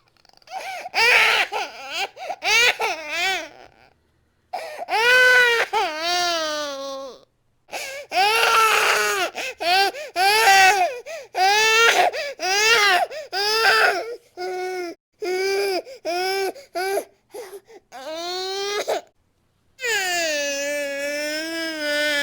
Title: Crying Baby Sound Effect (Royalty Free)